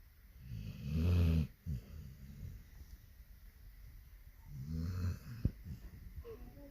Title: can you hear him snoring 😅🐕